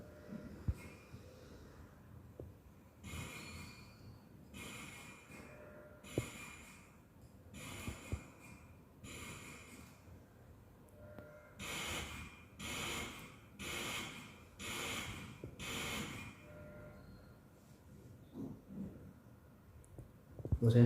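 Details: Hamilton ICU ventilator during flow sensor calibration: repeated airy whooshing pulses, irregular at first, then regular bursts about one a second, with faint clicks and room noise.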